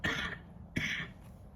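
Two short, harsh coughs from an adult, close together, each a sharp burst that quickly fades; an isolated bout of coughing.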